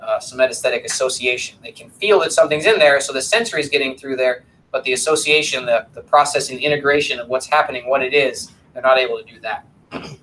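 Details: Adult lecturer; normal speech.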